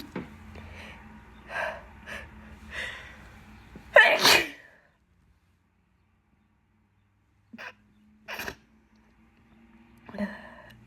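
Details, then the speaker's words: Person with an itchy nose during a bad pollen season takes quick breaths in, then gives a loud wet sneeze, followed after a pause by two smaller sneezes; sneezing. "I'm going to try stifles a bit. Oh my god, my nose is itchy."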